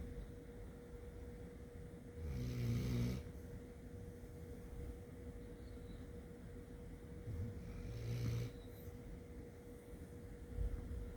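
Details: Snoring of Bella, a family pet dog tagged as a black Lab: low, rumbling snores about every five to six seconds over a steady background hum, in sleep.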